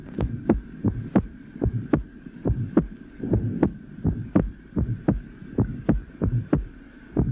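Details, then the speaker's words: 5-year-old child at lower sternum, breathing with sinus arrhythmia: clearly split first heart sound, short soft innocent systolic murmur and normally split second heart sound. "here is an example of a clearly split first heart sound recorded at the lowest terum in a 5-year-old child the child is breathing and a sinus arhythmia is present you will hear the two components of the first sound"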